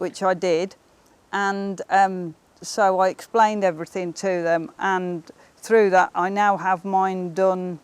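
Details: Woman with cerebral palsy who says her speech is often not understood; dysarthria (cerebral palsy).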